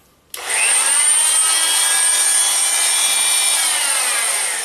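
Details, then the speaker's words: Oscillating cast saw cutting a fiberglass foot cast to remove or bivalve it, patient rolled to one side; loud, steady high-pitched buzzing whine as the saw cuts with a series of punches. "this can be pretty loud so you're probably not going to hear me but what i'm going to be doing is as i cut this this blade is not sharp"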